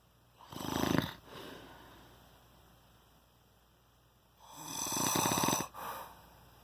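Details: Snoring at 4:40 am on the second night: two loud, rasping in-breath snores, each followed by a softer out-breath, about four seconds apart.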